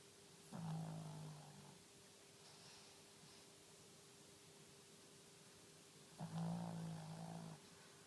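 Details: Snoring: two long, low, rattling snores about six seconds apart over quiet room noise.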